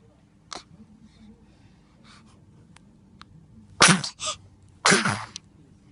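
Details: Newborn shortly after birth, just woken in the morning: soft small noises and yawn, then two quick sneezes in a row, possibly from feeling slightly cold.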